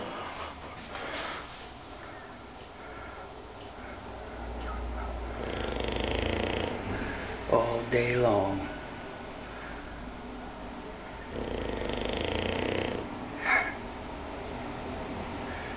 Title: bulldog bosco snoring